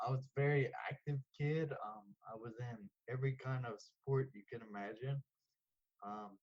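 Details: 34-year-old man diagnosed with Friedreich's ataxia at age 11; ataxic dysarthria.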